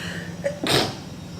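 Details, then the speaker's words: Single abrupt sneeze, a short intake then a sharp hissing burst, against faint room noise. "bless me I always sneeze on my heart rate comes down"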